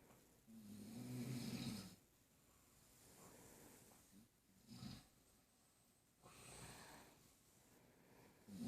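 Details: A person snoring with a baby moving: low, rattling snores on several breaths, with quieter stretches between them.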